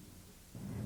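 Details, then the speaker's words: Egophony test during posterior thorax auscultation with the stethoscope diaphragm: patient says "e", which sounds like "a" with a nasal quality when egophony is present, a transmitted voice sound suggesting airless lung. "then have the patient say e when e sounds like a and has a nasal quality egophony is present e e"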